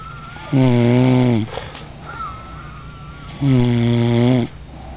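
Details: Heavy snoring in a sleeping person: two loud, steady, droning snores about three seconds apart, each lasting about a second, with a faint whistle between them.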